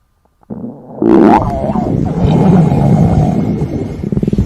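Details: Long, loud, low rumbling gurgle lasting several seconds from a girl's stomach during a 24-hour fasting challenge; hunger-related stomach growling (borborygmi).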